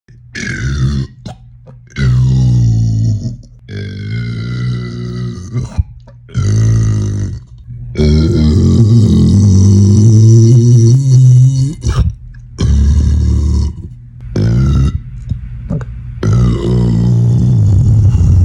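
A run of loud, deep, drawn-out burps, several in a row with short pauses; ordinary belching.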